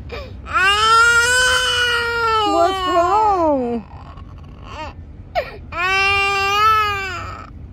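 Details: 20-month-old toddler giving long wailing cries with brief pauses indoors, crying for tacos while a parent asks what the baby wants; ordinary crying.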